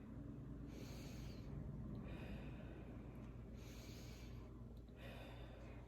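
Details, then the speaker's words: Stethoscope respiratory assessment: soft, smooth, clear breath sounds, bronchovesicular over the upper anterior chest and vesicular lower down and under the armpit, with no crackles or wheezes: normal breath sounds. "so I heard all normal lung sounds very clear up here I heard Branko vesicular and then down here miss secular as well as underneath the armpit vesicular and those are all normal lung sounds"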